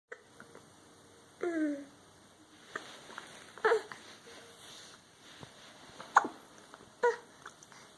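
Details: Several brief, abrupt, squeaky gulps at irregular intervals in a quiet room while trying to talk; hiccups.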